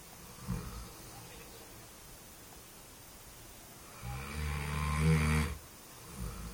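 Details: One deep, rumbling, fluttering snore lasting over a second, with quieter breaths before and after; snoring.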